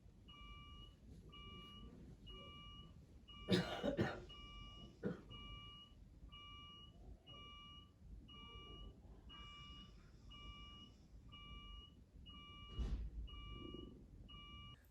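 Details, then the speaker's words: Hospital surgical assessment ward: steady repeating pairs of high-pitched monitor beeps, with a couple of coughs and faint room noise in the background. "obviously they have to keep some of the lights on in hospital there are machines beeping everywhere i'm gonna pop a quick clip of that actually"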